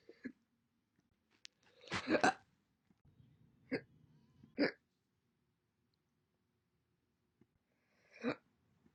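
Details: Single hiccups compiled from recordings made January 1 to April 30, 2021: several brief, abrupt, isolated hiccup sounds separated by quiet gaps with faint room noise; hiccups.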